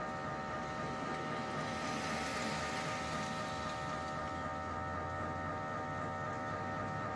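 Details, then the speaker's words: Mobile MRI trailer in a hospital parking lot, recorded from outside while a man is scanned to check a mass on his brainstem; loud steady mechanical droning with rapid repeating pulses: MRI scanner noise. "more sounds of an MRI machine and the loudness coming from the trailer still and it is very loud inside that machine where my husband is right now"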